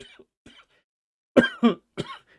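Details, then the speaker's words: Adult man who has been ill for a few months and is still under the weather but improving: coughing. "Now you can hear from the coughing that I'm still a little under the weather, but I am getting better."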